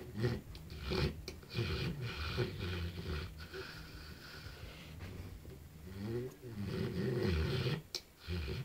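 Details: Male Bullmastiff moving in his sleep: continuous low, rumbling, snorting breath noise with rough fluttering on breaths; snoring.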